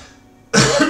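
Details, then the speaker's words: Adult streamer coughing during a live stream: after half a second of quiet room noise, a single loud, harsh, abrupt cough, an ordinary cough. "Désolé de tousser. Si c'est désagréable, je sais pas si vous l'entendez bien."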